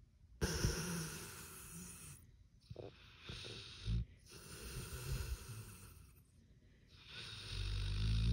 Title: ASMR PITBULL SNORING | #ASMRpitbullSNORING | SleepingDominoPitBullASMR | "Thats It Thats All"-cc